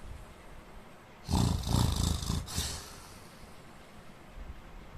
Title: indian man snoring 🤣